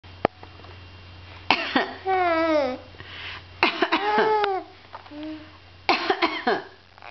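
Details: Child coughing playfully: several short deliberate, imitated coughs mixed with squealing, sing-song vocal sounds and giggles in a small room.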